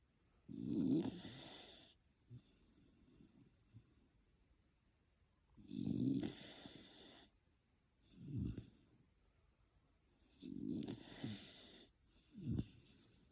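Slow, rough snoring from a sleeping dog, about 12 breaths a minute, with snorting inhalations and softer exhalations.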